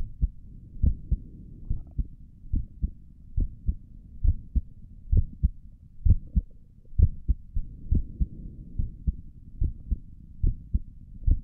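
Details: Own chest heartbeat via stethoscope for ASMR: regular lub-dub about 65 beats a minute over faint chest rustle; normal heart sounds.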